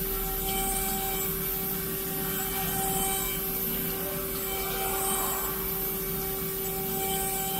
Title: 5 Axis dental CAD CAM milling machine milling Implant